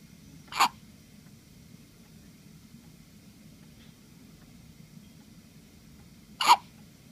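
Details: Two sharp, abrupt hiccup sounds about six seconds apart in a quiet room; hiccups.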